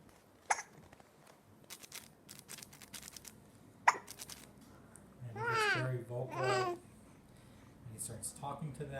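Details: Male infant aged 56 days, awake and vocal, cooing and babbling at a toy fox; said to have a tummy ache. Sharp, sudden hiccup sounds a few seconds apart: hiccups.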